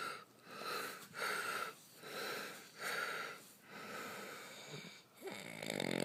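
Soft, airy, whistling breaths rising and falling about every second; light snoring with a hissing, wheezy quality.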